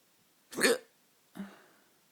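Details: Late-night hiccups: two sudden, short gulping bursts, the second softer and trailing off; abrupt catches of breath at the throat.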